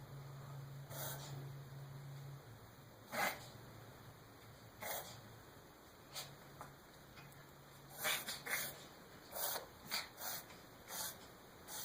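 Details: Dog named Riley with a cough/sneeze: repeated short, sharp nasal snorts in quick clusters, a run of sneezes.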